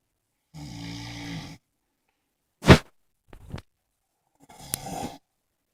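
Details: Heavy snoring from a person sleeping on a couch: a long, rough, low rattling snore, then a sharp snort and a few shorter snoring breaths separated by silences.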